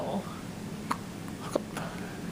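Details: Hiccups: two brief, sharp, hiccup-like bursts about half a second apart against faint room noise.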